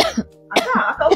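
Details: Adult woman giving a few short, acted coughs with brief throat-clearing sounds; she has had the cough a long time and it comes in bouts.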